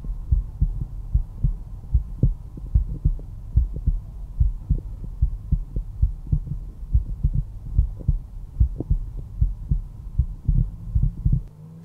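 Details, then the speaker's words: Steady lub-dub at about 73 beats a minute via stethoscope over the mitral area, fifth intercostal space midclavicular line; normal heart sounds in a resting adult. "both the tricuspid and the mitral valve control blood flow from the atria to the ventricles and when they contract they create that first heart sound that you can hear the lub lub lub lub"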